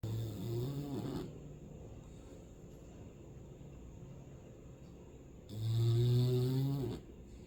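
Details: Sleeping hound dog: two low, rumbling snores on breathing in, with quiet breathing between; ordinary snoring.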